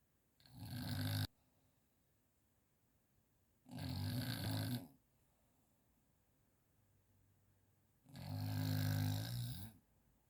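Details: Person unaware of snoring, recorded by their partner: three loud, rumbling snores about every four seconds, roughly 15 breaths a minute, with quiet pauses between; heavy snoring.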